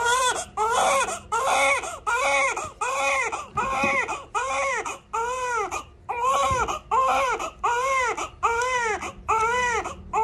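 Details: Loud, rhythmic newborn crying, about 75 cries a minute with brief breaths between, during a heel-prick expanded newborn screening blood test; newborn crying.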